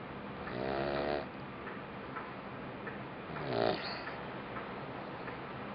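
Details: Labrador puppy about 2.5 months old, sleeping deeply: two soft, rattling snores a few seconds apart over steady room noise; puppy snoring.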